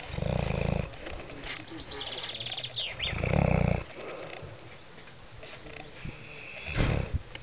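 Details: Max snoring while asleep at the Curmătura hut in Piatra Craiului: loud, low, rough rumbling bursts about every three seconds, with faint bird chirps in the background. This is an animal snoring during sleep.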